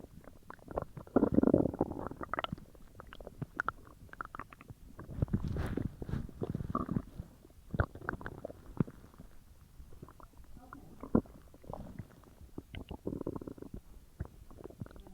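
Continuous gurgling, bubbling and rumbling from the belly with irregular pops. Loud digestion sounds, normal bowel activity after a large meal.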